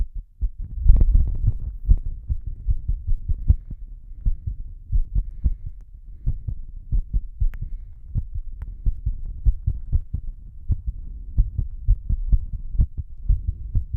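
Strong, regular low thumps of a fast heartbeat, about 110 a minute, with breathing noise underneath; a pounding heartbeat during a breath-hold.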